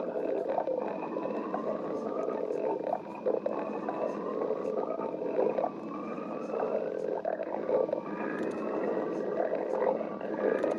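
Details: Badger stomach growling (borborygmi): continuous gurgling, rumbling and squeaky sliding tones from the belly.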